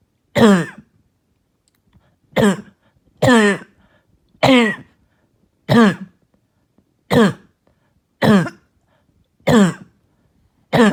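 Nine short, harsh, high-pitched barking coughs, about one every 1–2 seconds, separated by quiet pauses; a barking cough.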